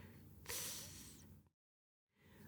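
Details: Interdental lisp demonstrated by a speech-language pathologist: the tongue protrudes between the teeth, so /s/ and /z/ sound like 'th'.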